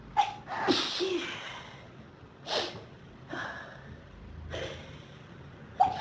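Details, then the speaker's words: Repeated sharp, explosive sneezes with quick breaths between them from a person with pollen and dust allergies since about age 14, triggered by a dusty room; sneezing fit. "Achoo. Achoo. I need more tissues. Oh God, they're still coming."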